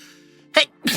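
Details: A VTuber gives a small, squeaky, high-pitched sneeze, then the start of another quick burst, over a faint steady musical hum.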